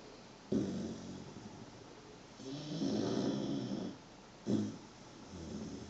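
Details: Rattling snore on each in-breath, two full breath cycles in a quiet room, from Belka, a 123-day-old 23 kg puppy asleep on someone's foot: snoring.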